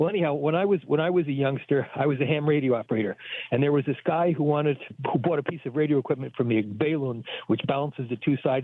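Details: Adult man over a telephone line; Ordinary speech.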